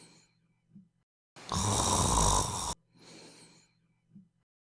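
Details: Snoring demonstration: a single loud, rough, fluttering snore on an in-breath between softer, quieter breaths; shows how snoring occurs and how a mandibular advancement device can reduce it.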